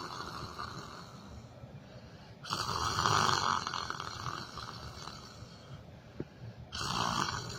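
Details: A person sleeping while sitting on a chair, with long, harsh, rattling breath sounds each lasting several seconds against steady room noise: loud snoring.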